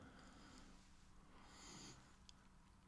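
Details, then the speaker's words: Faint, soft snuffling snore from Vinnie, a sleeping pet, with one noisy breath standing out against quiet room noise; snoring. "Vinnie's snoring."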